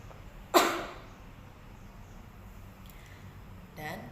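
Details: A single muffled cough from an adult nurse, simulated to demonstrate cough etiquette by coughing into the inner upper arm.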